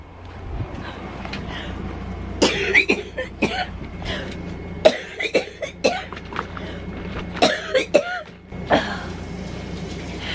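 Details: Repeated runs of about eight to ten coughs over a steady low room hum: everyday cough of an adult with cystic fibrosis.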